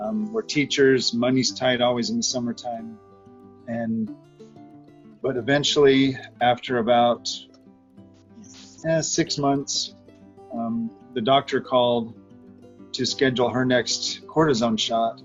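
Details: Adult man speaking over background guitar music; normal speech.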